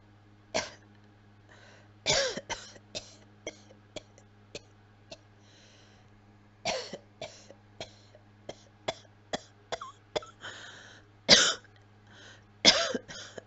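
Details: Unwell this week: repeated short, sharp dry coughs in bouts with throat-clearing, no wet rattling or phlegm.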